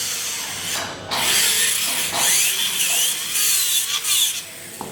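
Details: Pterygoid implant site preparation demonstrated on a dense 3D-printed stereolithographic model of a patient's jaw: high-pitched grinding and whirring of a surgical twist drill cutting into the model.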